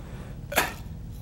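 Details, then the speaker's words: Acted demonstration by an asthma educator and respiratory therapist of a poor-effort blow into a peak flow meter: one brief, soft puff of air lacking a sharp forceful start, the kind of cheating sound watched for in children. "now I probably I didn't do a very good job there but you could tell the difference in the sound and as a respiratory therapist that's what we're trying to look for when we're working with the kids"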